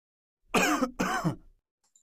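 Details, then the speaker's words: Two short, harsh, voiced coughs in quick succession, close to throat-clearing, in a quiet room; a plain cough, played as an example sound for young English learners. "Okay, အဲ့ဒါဘာတန်လေးလဲချောင်းဆိုးတာချောင်းဆိုးတာဆိုတော့ cough coughing ပေါ့နော်ချောင်းဆိုးခြင်းချောင်းဆိုးသည် cough okay"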